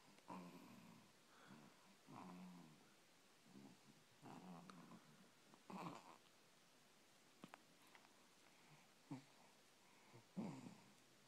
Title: Little man snoring